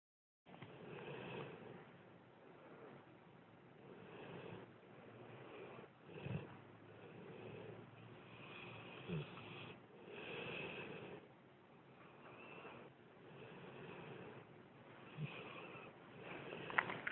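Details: Pet dog snoring while asleep: soft, rough, rhythmic snorting snores roughly every two to three seconds, with faint snuffles between.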